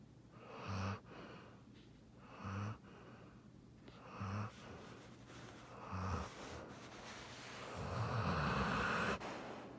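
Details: Giant schnauzer, a large dog, snoring while sleeping beside her owner: regular short snorting snores about every 1.8 seconds, roughly 33 a minute, with a longer breathy snore at the end.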